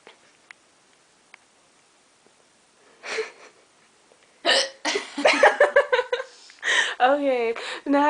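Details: Repeated hiccups in a woman at bedtime, abrupt breath catches amid a quiet stretch, then voices, giggling and laughter; hiccups.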